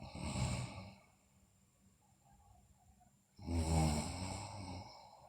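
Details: Sleeping girl snoring: two rattling, low breathing sounds separated by a quiet pause; snoring during sleep.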